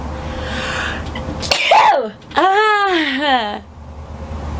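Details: Sneeze demonstration: a rising sharp inhale, then a loud sneeze burst followed by a drawn-out voiced exclamation, possibly exaggerated for effect.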